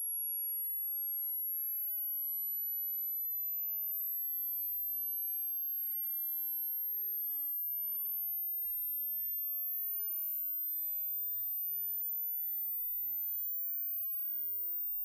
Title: How old are your ears? (Hearing Test)